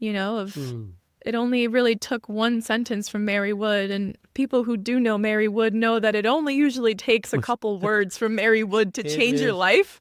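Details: Adult woman speaking; Normal speech.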